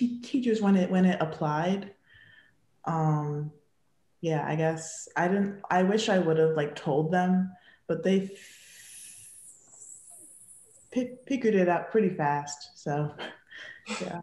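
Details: Young woman who has stuttered since childhood; stuttering.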